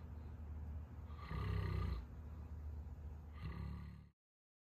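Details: Snoring from a sleeping 200+ pound Saint Bernard dog: deep, low rumbling snores on each breath, two long snoring breaths with steady breathing noise in between.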